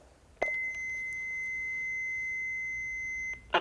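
A click, then a steady high-pitched electronic beep lasting about three seconds; a defibrillator switching on during training.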